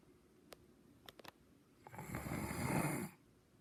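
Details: Snoring recorded September 26, 2019: a few faint clicks, then one rough, rattling breath lasting about a second in a quiet room.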